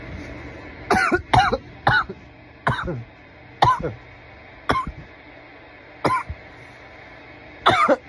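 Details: Coughing fit after smoking from a bong: about eight harsh, voiced coughs with some low background sound; irritant cough.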